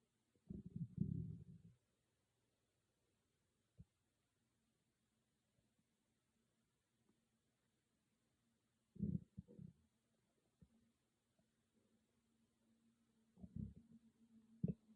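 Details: Own stomach growling recorded on an iPhone without a special microphone: low gurgling, bubbling rumbles in three bursts separated by near silence; borborygmi.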